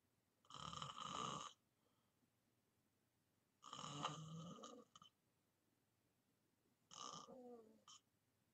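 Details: Heavy snoring in deep sleep, recorded as white-noise ASMR: loud, rattling snores in a quiet room, about three in eight seconds, some ending in a brief snort.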